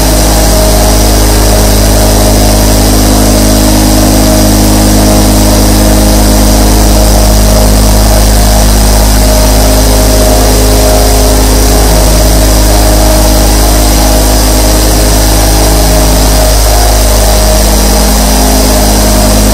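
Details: Nebulizer compressor sound.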